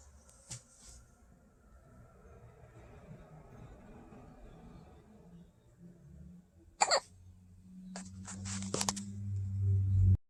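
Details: Baby boy hiccuping during tummy time while lying prone and trying to lift his head and push with his feet: a few sharp, brief hiccups spaced irregularly over soft room and movement noise.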